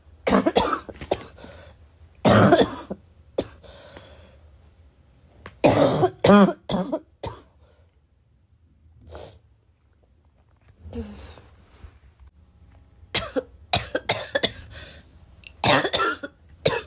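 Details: Repeated harsh barking coughs in clusters with throat clearing and snorting, quiet pauses between bouts; the person is unsure whether the heavy smoker-type cough is from vaping or from getting sick.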